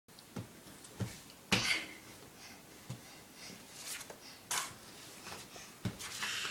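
A baby gives several short, soft deliberate coughs in a quiet room, a playful attention-seeking cough rather than illness.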